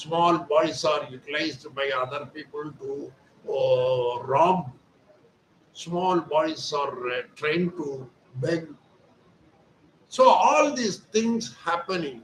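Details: Adult male speaker; ordinary speech.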